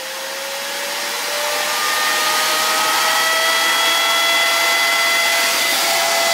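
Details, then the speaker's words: Electric baby nasal aspirator (Nosiboo) switched on at its minimum setting: steady loud motor whine rising in pitch as it spins up, loud but with modest suction. "also das hört sich schon jetzt sag mal sehr laut an aber die saugkraft die ist wirklich nicht so groß aber völlig ausreichend"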